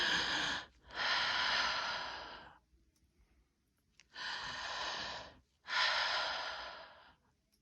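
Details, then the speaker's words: Normal breathing over the posterior chest, listened to through a stethoscope for a full respiratory cycle to end expiration: slow, deep, clear breaths in and out with smooth airflow and no wheeze or crackle. "okay so you saw how dr nuttles never prematurely moved her stethoscope you have to wait to the end expiration which you may pick up a wheeze so it's really important"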